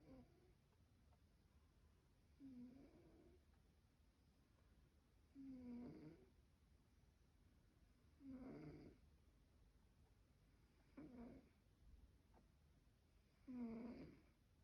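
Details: Snoring in sleep: low snores on each breath, roughly 23 a minute and slightly uneven, over faint room noise; ordinary snoring.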